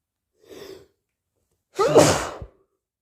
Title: Late August sneezes 🤧 allergies or cold?